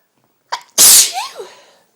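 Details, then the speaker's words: Adult with an itchy, teasing urge to sneeze during a run of repeated sneezes: a brief catch of breath, then one forceful, hissing sneeze that trails off; a single sneeze. "I need to sneeze again. It's teasing me."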